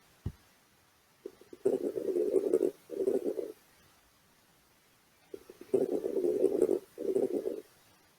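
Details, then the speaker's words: Coarse (bubbling) crackles on chest auscultation, low-pitched and bubbling through two breaths, from airway secretions; they change clearly with coughing, can be heard over any chest region, early inspiration and throughout expiration. "eles sofrem alteração nítida com a tosse justamente porque você consegue mobilizar a secreção naquele foco não existe um foco mais comum mas pode ser ouvido em todas as regiões do tórax"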